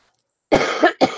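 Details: Two short, harsh cough bursts without a rattle from an adult recovering from an illness, still coughing with a runny nose on the first day of feeling better, in a quiet room: a dry cough.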